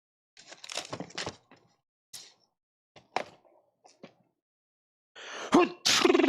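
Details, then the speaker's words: Scattered soft handling noises in a small room, then a rising intake and a single loud explosive adult sneeze. "Wow, what a sneeze. Did y'all hear that? Never done that before."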